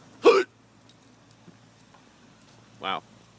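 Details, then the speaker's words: Person with hiccups, recording while walking their dog around 11 in the morning: two sudden voiced hiccups about two and a half seconds apart in a quiet space. "hiccup Vlog I got the hiccups I figured I'll Vlog it anyway hopefully this will be a short Vlog and the hiccups will go away quickly"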